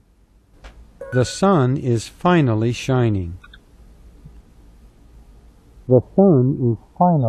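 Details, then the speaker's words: Simulated cochlear implant hearing: a sentence vocoded to match what an adult implant user heard, voiced phrases with a muffled, slightly blocked-nose quality separated by a quiet pause, described as typical about a year after surgery with rehabilitation. "살짝 코막힌듯한 음성입니다 나쁘지 않습니다 어 실제로 인공 수술을 받은 성인 환자들에게 물어보면 수술로 초기에는 음색이 좀 거칠게 들린다"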